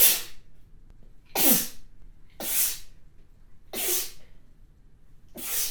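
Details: Five forceful, wet-sounding spray sneezes in quick succession, each a sharp explosive burst of air; sneezing.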